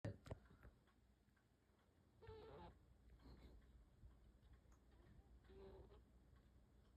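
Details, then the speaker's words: Snoring from a sleeping 12-year-old cat, possibly dreaming: two soft, rough, buzzing breath sounds about three seconds apart over low room noise. "she's having a dream. Yeah, snoring cat."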